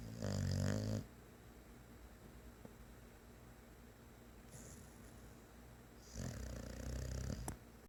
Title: Snoring boxer dog